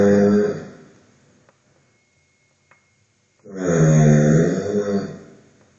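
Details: Snoring during sleep; loud, rough, vibrating snores on the in-breath with a quiet pause between them.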